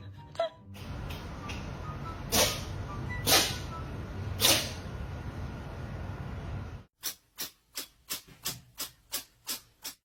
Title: Cat sneezing 🥰 #cat #cats #catsvideo #catshorts #catlovers #pet #funny #cute